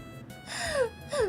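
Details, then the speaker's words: VTuber in a run of many sneezes she can't stop: two short, voiced, falling gasps like the sharp intake before a sneeze, with faint music behind. "めっちゃくしゃみした。止まらない。"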